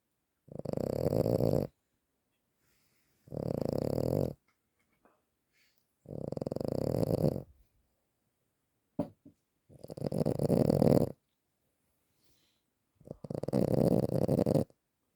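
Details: Loud, rattling snores of about a second each, five in fifteen seconds with quiet gaps between; ordinary snoring.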